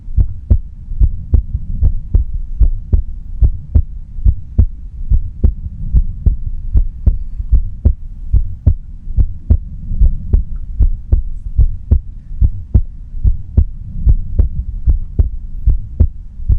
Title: 无台词｜安静听的心跳 No Talking｜Just Listen to Heartbeat